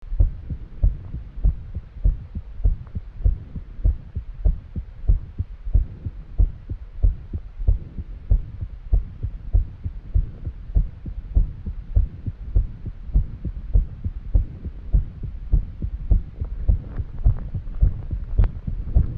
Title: Arrhythmia and heavy breathing in a woman after exercise